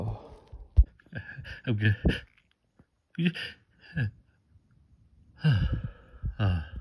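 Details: Adult sneezing after golf: several short explosive bursts, some preceded by a drawn-in breath, a run of sneezes with quiet gaps between.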